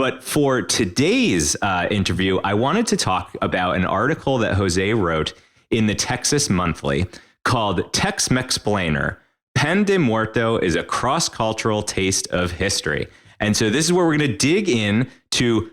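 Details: Adult male speaker, interview host; Normal fluent speech.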